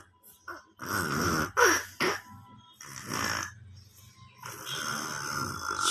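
Soft, irregular snoring breaths from a baby, with some room noise and faint background sound.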